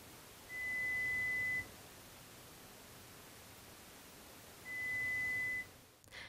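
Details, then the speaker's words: Adult pure-tone audiometry test demonstrated in a hearing clinic, for a client reporting trouble hearing in background noise and frequent live-music exposure: two steady, pure, high beeps over faint hiss, presented in 10 dB descending steps at unpredictable timing. "The audiologist starts at an intensity level that's easily audible to the client The level is then decreased in intensity by increments of 10 decibels making sure the tones are not presented in a predictable rhythm or pattern until the client no longer responds"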